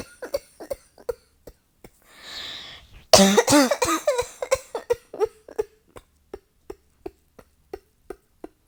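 A run of about twenty short, dry coughs with a brief gasping breath and a louder cluster partway through, in a continuous coughing fit.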